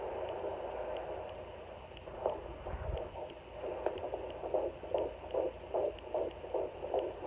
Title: Baby's heartbeat on home fetal Doppler - 17 weeks 2 days